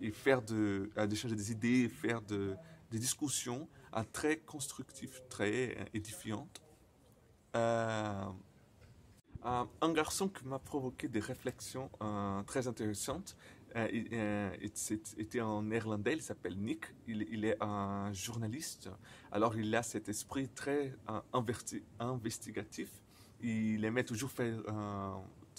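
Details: Man who stutters, speaking non-native French, who says his stuttering often involves silent blocks; stuttering.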